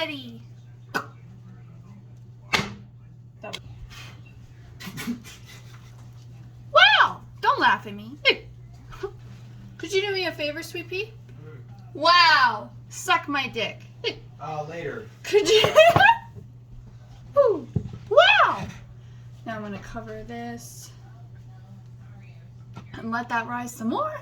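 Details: Woman with Tourette syndrome speaking while baking; vocal tics heard as interjected out-of-context words and phrases.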